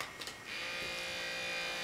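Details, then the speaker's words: Omron automatic blood pressure monitor: a click, then a steady motor buzz as the upper-arm cuff pump starts inflating at the start of a home reading by an adult woman; reading later 142/85, attributed to camera nervousness. "And it inflates."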